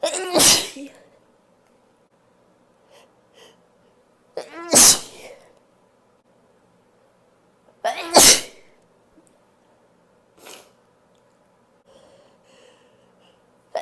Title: UnStifled sneezes